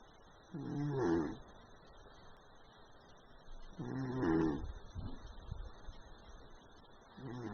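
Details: Orange cat snoring loudly during an afternoon nap: soft, fluttering snores on each breath, about 18 a minute, over faint background hiss.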